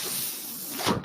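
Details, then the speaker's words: The speaker's own mechanical ventilator, heard while he talks: a mechanical ventilator breath sound. "that noise you're hearing is my ventilator and welcome to page-turners they were not my stores podcast"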